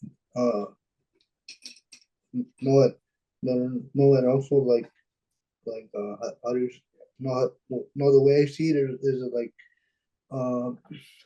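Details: Dysarthria in a 26-year-old man with cerebral palsy; the condition limits his expression.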